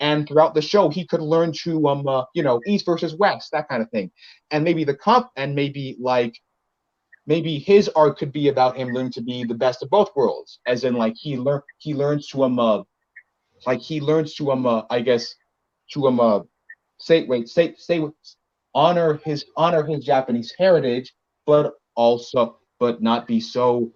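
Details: Male podcast co-host who reports having a bit of a speech impediment, type not specified; speech disfluency with word and phrase repetitions.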